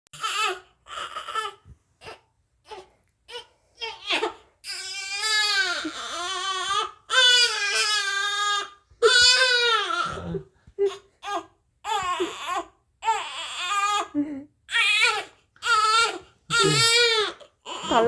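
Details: Newborn crying with a new father nearby: repeated loud wails with brief pauses and whimpers between; ordinary infant cry.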